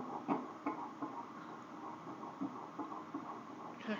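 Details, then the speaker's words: Fetal heartbeat on Doppler, sex not yet known: rapid, regular whooshing pulses at about 160 per minute, described as fast, a normal fetal heartbeat. "cool is that so cool that's a fast little heartbeat"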